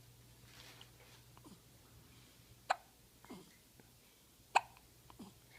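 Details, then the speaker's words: A cat with hiccups: two sharp, quiet hiccup clicks a couple of seconds apart over low room hum. "who's got the hiccups yeah what you have the hiccups yeah your hicups who's a cute little guy"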